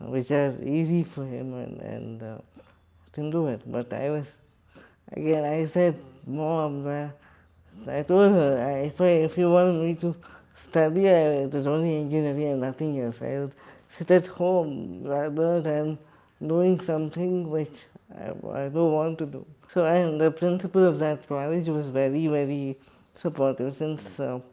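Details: Adult man with cerebral palsy and quadriplegia speaking in his own voice in an interview; dysarthria (cerebral palsy).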